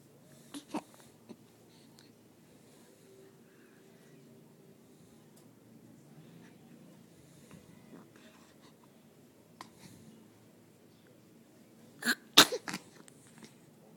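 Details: Adult sneeze: a sudden, sharp burst near the end of a quiet room with faint clicks; the person also pretends to chew gum.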